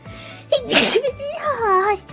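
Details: VTuber streamer sneezing on stream: a single voiced sneeze with a sharp noisy burst, then a sing-song vocal sound, over faint background music.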